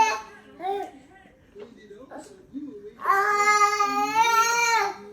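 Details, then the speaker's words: Infant boy teething, fussing for the last hour in his bouncer chair: whiny fussing sounds rising into a sustained wailing cry. "these teeth are taking their time to come through so we've had this for the last hour"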